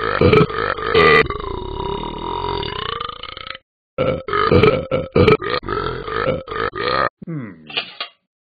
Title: Burping Dog